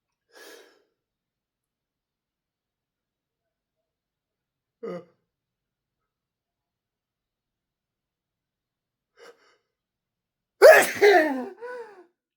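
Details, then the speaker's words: Person inducing sneezes by snorting snuff (chinnkni): a few faint, spaced breathy catches over several seconds, then one loud sneeze with a voiced tail after a slow build-up; watery nose afterwards; sneeze. "There's a good spot. Oh, oh, oh, I need to sneeze. Come on. Where are you?"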